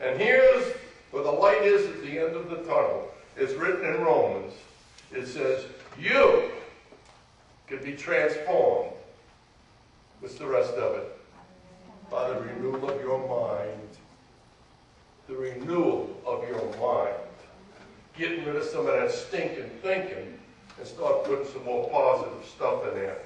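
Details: Adult man speaking; Ordinary connected speech.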